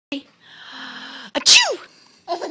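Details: Fake sneeze: a single loud, deliberately faked sneeze after a drawn-out voiced build-up, followed by a brief voice; Gavin laughs at it.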